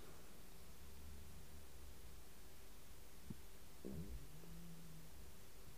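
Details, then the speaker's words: Faint low gurgle and brief squeak over room hiss, identified as stomach gurgling; ordinary stomach rumbling (borborygmi). "vous avez entendu un petit bruit, c'était mon estomac qui gargouille."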